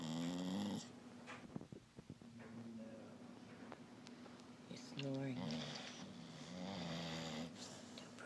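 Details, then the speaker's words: A sleeping pet snoring softly and rhythmically while a woman speaks quietly in the background; snoring. "Who's snoring? Who's making baby noises?"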